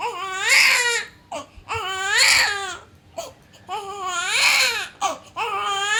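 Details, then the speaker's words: 18-day-old newborn (treated in hospital for jaundice after birth) crying in repeated high-pitched wails, each about a second long, with short breaths between; newborn crying. "আসলে বাচ্চার এই কান্নাই তো ওদের কথা বলার একমাত্র ভাষা।"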